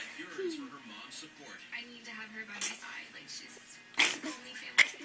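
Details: A girl's sneezing fit: repeated sneezes in a row.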